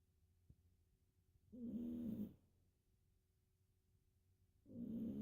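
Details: Cat's noisy breathing: a long rough, whistly sound, a pause, then the next breath begins. Wheezing/snoring.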